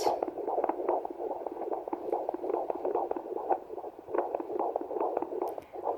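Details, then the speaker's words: Fetal heartbeat on Doppler at about halfway through pregnancy: rapid, regular whooshing pulses, a strong 146 beats per minute. "lovely to hear the heartbeat and according to this um according to the old wife's tale it must be a girl"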